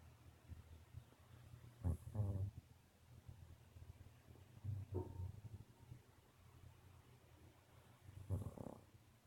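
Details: Soft, low rumbling snores with a brief vibrating flutter, three breaths in about nine seconds, from a sleeping dog against quiet room noise; snoring.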